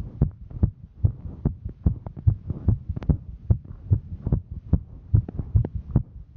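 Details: Female hiker during exertion; fast, regular thumping about 140 beats a minute with a low hum behind it; normal heart sounds during exertion.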